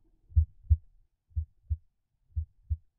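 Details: Simulated normal heart sounds from the iPax auscultation simulator: the chest piece starts at the aortic point of maximal intensity and moves away, so sounds fade with distance. Clear paired lub-dub beats at about 60 a minute, growing softer after the first beat.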